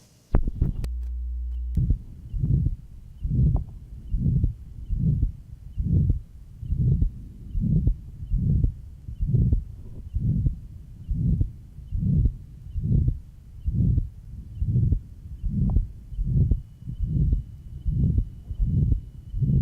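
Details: Johns Hopkins heart sound laboratory recording from 1955, aortic area: regular heartbeat about 71 a minute with the murmur of pure pulmonary stenosis; diastolic "whisp" noted at the 3rd left interspace.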